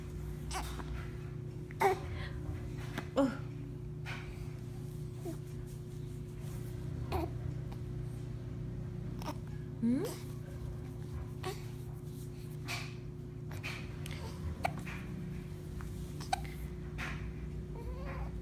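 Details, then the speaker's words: Baby with hiccups: about five short, sharp hiccup sounds at irregular intervals, with a steady low hum and faint baby babbling. "Uy. Hi. Hi. Uh, oh, hiccups. Hiccups. Hiccups."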